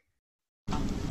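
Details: Pharyngeal stops, a velopharyngeal mislearning error in cleft-related speech, heard as a much more throaty K/G, most often substituted for velar stops; pharyngeal stops.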